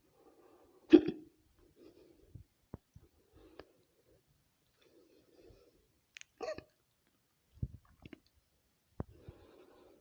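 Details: Woman's hiccups edited together as a collage: several sharp, abrupt hiccups with quiet breathing between them, spaced irregularly over about ten seconds; ordinary hiccups.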